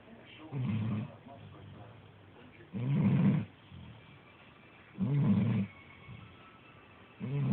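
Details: A pet's snoring, described as soothing, that has lasted nearly 8 years since he was small enough to fit in the palms; snoring.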